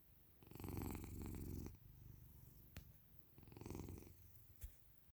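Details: A sleeping cat snoring, making two low, fluttering rumbles on its breaths.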